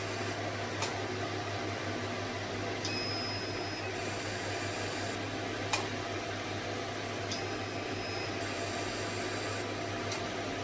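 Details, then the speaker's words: Fractional CO2 laser firing during a treatment demonstration after setting parameters and pressing ready and the foot switch: steady machine hum with repeated bursts of high electronic tone and short clicks. "Now I will start, then I will press the full switch. So the treatment will be like this."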